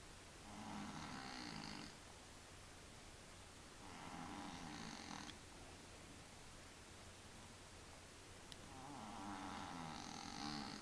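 Three soft, rattling snores on breathing in, roughly every four seconds, with quiet breathing out between; about 15 breaths a minute.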